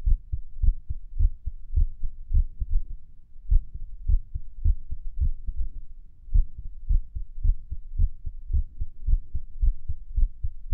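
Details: Own heartbeat recorded at Erb's point while lying on the stomach, listening to favourite music: muffled heartbeat near 100 a minute with uneven spacing between beats; irregular heart rhythm.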